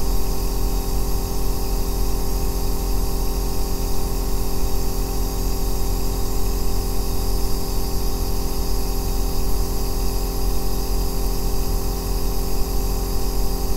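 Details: Aerosol nebulizer running, recorded as deep-bass white noise for sleep and relaxation: a loud, steady deep rumbling compressor drone with no breaks.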